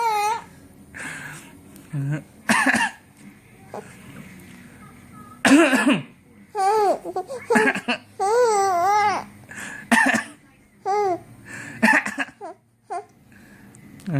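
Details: A father's few put-on coughs while his baby giggles and babbles in reply; playful, not illness.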